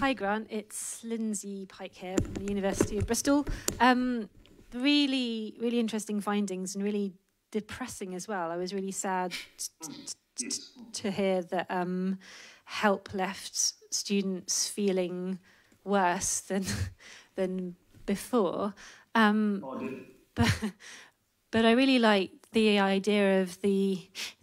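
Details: Adult woman speaking; typical speech.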